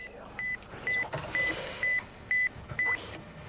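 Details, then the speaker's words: Tinnitus matching during an audiometric assessment of a man: short pulsed high-pitched test beeps. The patient says a lower tone resembles his tinnitus better. "donc est-ce que votre bruit ressemble à ce bruit là Monsieur c'est plus bas comme ça c'est mieux ouais ça ressemble à ça"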